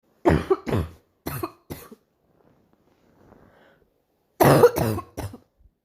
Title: morning cough part 2